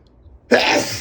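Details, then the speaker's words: Adult male with allergies in a sneezing fit: a quiet lead-in with snorts, then one sudden explosive burst of air, a single sneeze. "you. I think I got to sneeze. You [snorts] Oh no. Here they come again."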